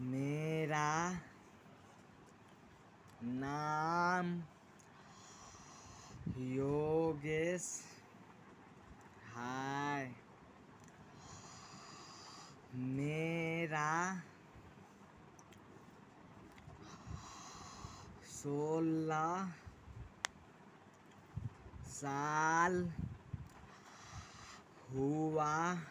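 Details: 16-year-old boy with self-reported stuttering (stammering), speaking while demonstrating his own fluency techniques, such as pausing after each word: stuttering.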